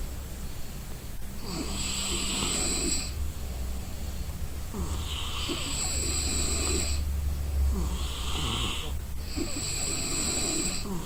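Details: An exhausted person asleep and snoring: three rough, rattling snores on the in-breath, about every four seconds, over a low steady room hum; ordinary heavy sleep snoring.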